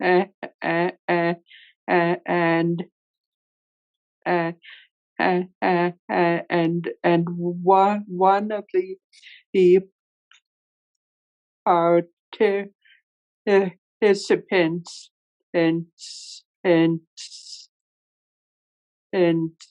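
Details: Real, self-identified stuttering in a male webinar moderator who stutters, leading a workplace panel of people who stutter; finding: stuttering.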